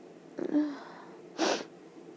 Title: Sneezes in bed